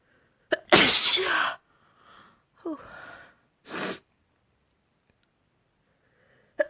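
A sharp inhaled gasp, a forceful sneeze, then a second shorter sneeze, with soft breaths between.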